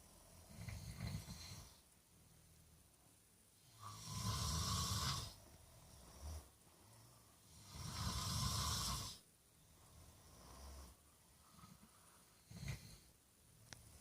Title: Spotlight snore